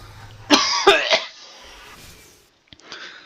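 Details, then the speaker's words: An adult who says he is sick gives three quick, harsh cough bursts, with faint background music between them. "I'm so sick. I'm so sick that I'm coughing like I'm smoking dope because I'm also fucking dope."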